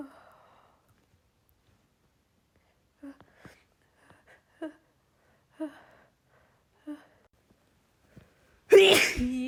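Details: Female with pollen allergy in an uncontrollable sneezing fit: quiet catching breaths build up and end in one forceful sneeze; allergic sneezing.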